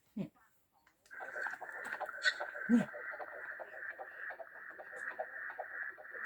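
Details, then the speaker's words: Recorded fetal heartbeat from a prenatal visit, played back through a small speaker: rapid, muffled whooshing pulse. "นี่คือเสียงเสียงเต้นหัวใจของตอนอยู่ในท้องนี่เสียงเต้นหัวใจของตอนอยู่ในท้องจ้ะ"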